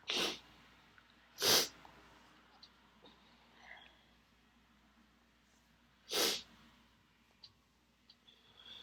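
Three short, hissing, suppressed sneezes with the mouth held closed, separated by quiet pauses; ordinary stifled sneezing.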